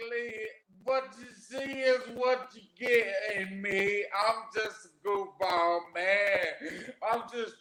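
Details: Adult man, 41, with aphasia after three strokes, the first at age 27 from an arteriovenous malformation, about 13 years earlier; aphasia.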